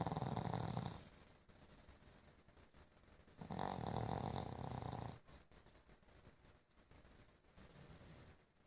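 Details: Sleeping pug snoring: two long, loud, rumbling snoring breaths with quieter snuffling breathing between them.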